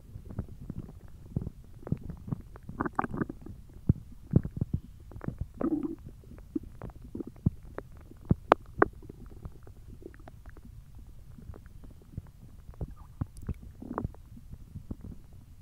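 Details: Hungry belly: irregular low gurgles, squelches and rumbles over about fifteen seconds; ordinary hunger stomach growling (borborygmi).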